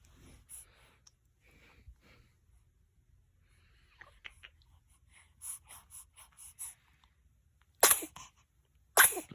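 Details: Son sneezing: soft sniffs and small bursts building up, then two sharp, forceful sneezes near the end in a quiet room.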